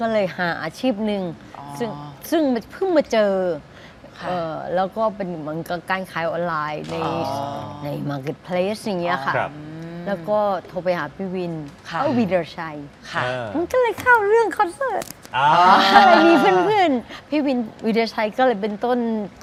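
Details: Ataxic dysarthria in a woman, a former singer, with hereditary cerebellar atrophy inherited from her mother; ill about 2 years and no longer able to sing; speaking Thai in an interview.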